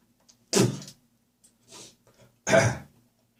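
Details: Morning coughing session with gagging and spitting: two harsh, loose coughs with a rough, wet quality and a softer sound between; productive cough.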